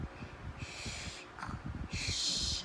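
Rough nasal snorts with harsh airy bursts, acted imitation of snoring in play.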